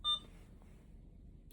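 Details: Infusion pump during setup of Veletri (epoprostenol) nebulization on an adult ventilator, with a 50–60 ml syringe: a single short high beep in a quiet room confirming a setting.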